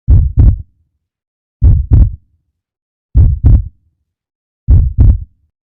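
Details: Slow, regular lub-dub heartbeat at about 39 beats a minute, with two distinct sounds per beat: normal heart sounds.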